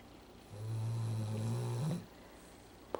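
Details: Dog Molly, home the day of a toe amputation, sound asleep on the couch snoring: a single long, low, rattling snore over a second, then quiet room noise.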